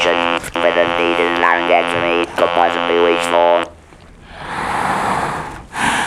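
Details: Electrolarynx speech with buzzing voice quality in a man after total laryngectomy and radiotherapy for laryngeal squamous cell carcinoma.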